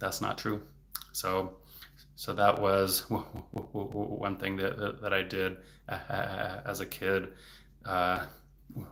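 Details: Adult male speech-language pathologist who has a stutter, speaking publicly in a livestream: stuttering.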